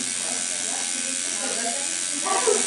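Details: In-office RejuvaPen microneedling pigmentation procedure for unwanted coloration and scarring on a woman after 30–40 minutes of topical numbing: a continuous high buzzing motor whine with faint talk from the microneedling pen in operation.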